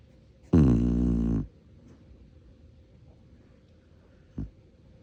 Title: Volume up! Shar-Pei snoring!